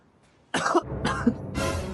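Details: Acted demonstration of cough etiquette by a pulmonary TB survivor: three loud, harsh cough bursts in quick succession over soft background music.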